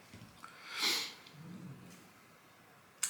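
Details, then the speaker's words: Snoring from a dog heard in the background while a person talks. "apologies if you can hear snoring in the background the dog has decided that now is the opportune time to"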